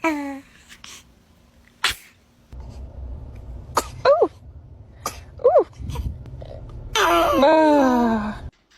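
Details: Baby sneezing: several small, sharp infant sneezes with brief vocal sounds between, ending in a longer fussy cry, from a cute baby sneeze compilation; sneezing.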